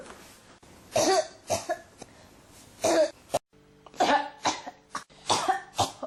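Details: Repeated short coughs, about nine in six seconds, in quick runs with little pause: persistent, unstoppable coughing.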